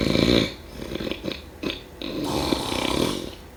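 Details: Snoring during sleep: irregular snorts and throaty grunts, then a longer rough rattling breath, with an uneven snorting pattern.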